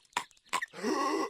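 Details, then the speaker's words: Adult with a cold coughing mid-speech: two short forced cough bursts, then a rough, grunting splutter. "As you can hear, I have a cold today, so if I'm a little bit more difficult to understand than usual and I sound a little bit like, (coughing"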